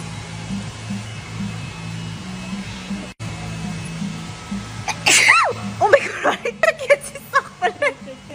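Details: A young woman has a natural sneezing fit (no powder, pepper or swabs) triggered by eyebrow threading: sharp sneezes in quick succession with laughter over a low hum and faint music.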